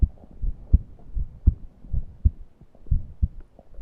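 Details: Person reporting a suffocating feeling and unable to breathe deeply, recorded for wheezing and heart sounds: low paired heart thumps at roughly 80 per minute; no clear wheeze is audible over them.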